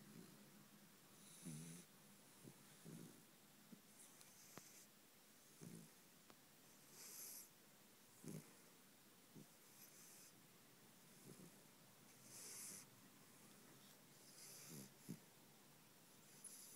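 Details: Puppy snoring while dreaming in sleep: soft, irregular snorting breaths about every few seconds, with faint room noise; snoring.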